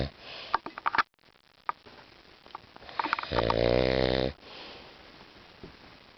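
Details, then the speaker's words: A father sleeping at a cottage, who claims he doesn't snore, gives one loud, buzzing, rattling snore of about a second amid room noise and small clicks: snoring. "Cottage this is Daddy snoring at the cottage"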